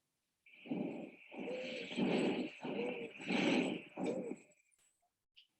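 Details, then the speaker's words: Wheezes: high-pitched musical, flute-like whistling heard throughout the entire lung, mainly on exhalation, from narrowed airways due to bronchoconstriction of inflamed lung tissue. "As you can hear, it's described as a high-pitched musical flute, located throughout the entire lung. But key term here, it's heard mainly on exhalation, or basically breathing out."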